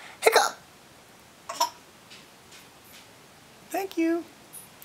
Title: Hiccups are funny